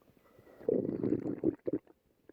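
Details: A low, gurgling stomach growl lasting about a second, then a few shorter gurgles, from a person on a seaside date whose tummy is then rubbed by a partner; stomach rumbling.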